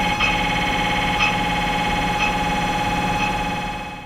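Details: Loud, continuous electronic buzzing and droning with a rhythmic pulse about once a second: a functional MRI scanner running a roughly six-minute brain scan on a volunteer lying still.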